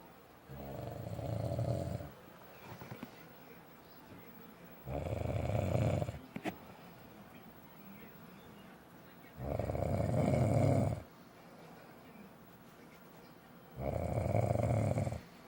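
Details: Loud, rough snores on each breath in, about four per 15 seconds with quieter breathing between; adult man's heavy habitual snoring, loud every night, recorded by his wife beside him.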